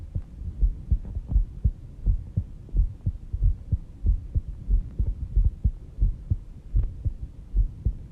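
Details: Normal heartbeat recorded on oneself while sleeping at 5:30 am, described as slow at about 70 bpm: steady, soft, regular low lub-dub thumps with a faint hum behind them.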